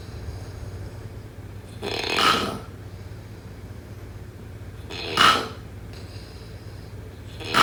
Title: #snoring #snoringasmr #sleepsounds #snoringsleepingsoundeffect